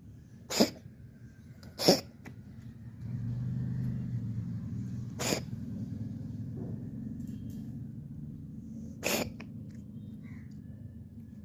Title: cats coughing #shorts #ytshorts #cat